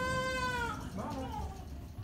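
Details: Newborn daughter after an induced labour with epidural and forceps delivery: a brief, high, wavering newborn cry over faint room noise; an ordinary newborn cry.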